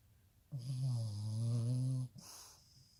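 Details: 14-year-old Puggle asleep: one long, loud, low rattling snore on the in-breath lasting about 1.5 seconds, then a softer breath. Snoring.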